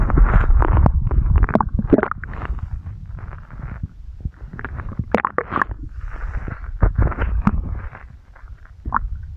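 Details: Irregular low rumbles and gurgles with bubbling bursts; ordinary stomach growling (borborygmi).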